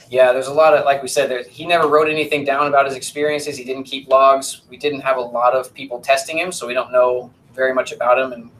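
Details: Adult male lecturer; normal speech.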